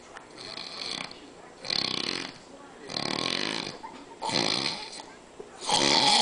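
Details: Snoring from a sleeping man: loud, rough, rattling breaths recurring about every one to one and a half seconds.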